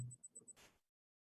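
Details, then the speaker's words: Left displaced abomasum in a cow, with large distension passing the costal limit. Quick flicking percussion taps on the left flank give a hollow, ringing ping that is audible without a stethoscope. "Va a percutir ahora. Y una lástima, pero esto se escucha sin estetoscopio. Cuando hay una distensión tan grande,"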